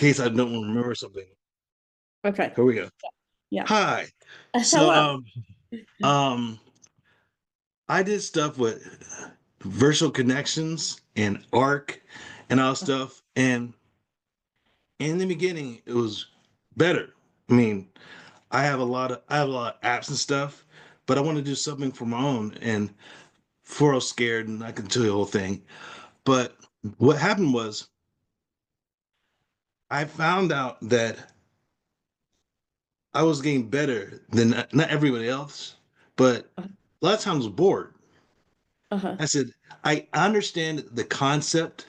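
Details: Person with aphasia caused by a stroke; aphasia.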